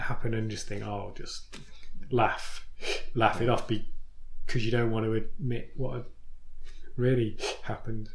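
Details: Stammering (stuttering) in an adult man in recovery after attending a stammering course.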